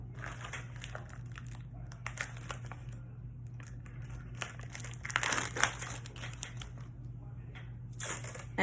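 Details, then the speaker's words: Crinkling and ripping over a low room hum: medical tape torn into a long strip and a half-torn strip for crisscross securing during IV insertion prep on a patient. "my tape I'll tear long piece and have available and then I type to tear another piece"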